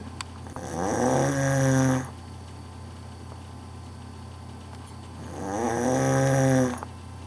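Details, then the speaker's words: Adult man snoring in sleep: two long, loud, buzzing snores on the in-breath, about five seconds apart, over a steady low hum, with music; snoring. "just thought I'd let you see how you snore"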